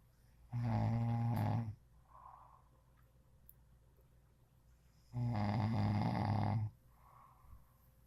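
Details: Loud snoring: two long, loud, buzzing inhaled snores with soft out-breaths between, in a quiet room.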